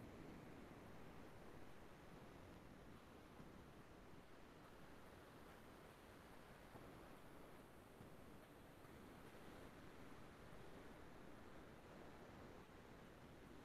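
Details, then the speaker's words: EMG of relaxed, resting muscle: a faint, steady crackle like small raindrops falling on a rooftop, with sharp waveforms on screen; fibrillation potentials, suggestive of nerve injury. "so this is how your fibrillations look on the screen can you listen to the sound yes they are sharp basic and the sound is like rain falling small raindrops falling on the rooftop listen to it once"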